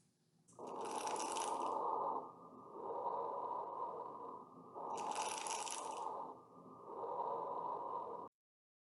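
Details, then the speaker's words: Fine, high-pitched crackles heard during inspiration over two breaths: fine crackles, attributed to deflated alveoli suddenly popping open and reinflating. "Fine crackles occur as the deflated alveoli begins to pop open. So, random sudden reinflation of group of alveoli produce fine crackles."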